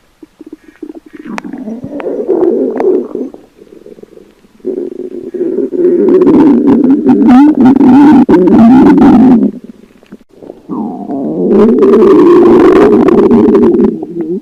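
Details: Girl lying on an examination table while a doctor moves a stethoscope around her abdomen; long, bubbling gurgles and rumbles: active bowel sounds.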